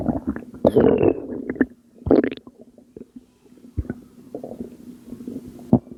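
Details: Postpartum woman making belly sounds she attributes to postpartum water weight, recorded at 2am: irregular bubbly gurgles and squelches with quiet gaps; stomach gurgling.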